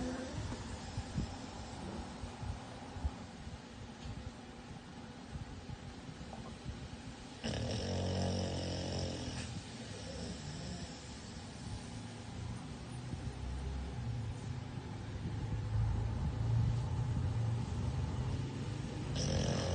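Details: American bully dog named Jagger sleeping in his crate: low, rumbling snores with some background noise throughout; ordinary snoring.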